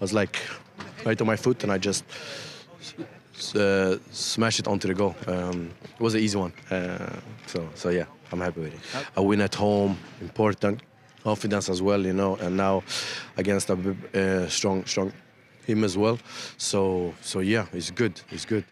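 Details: Adult male professional footballer with stuttering, speaking in a real post-match interview: stuttering.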